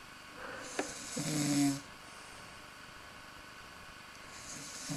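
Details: Asleep and snoring, all tuckered out after a big swigging session: one rough, rattling snore on an in-breath, then a quiet pause; ordinary snoring.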